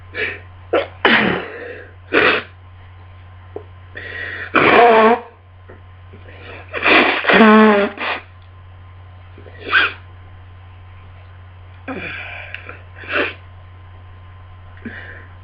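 Repeated sneezes with sharp inhalations between them, a sneezing fit during a head cold; steady low hum in the background.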